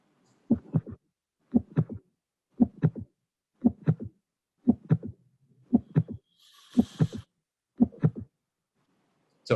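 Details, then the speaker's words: Regular heartbeat near 58 a minute in a teaching quiz: three sounds per beat and no murmur, a triple rhythm. Options considered are third sound, split second sound, fourth sound or mitral prolapse. "have no murmur just an extra sound let's listen again no murmur an extra sound we have three sounds"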